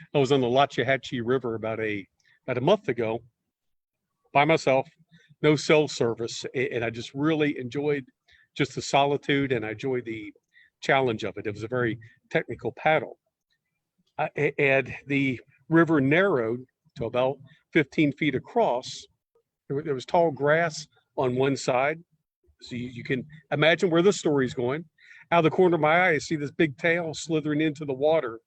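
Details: Adult man who stutters, speaking as a guest on a stuttering podcast; stuttering.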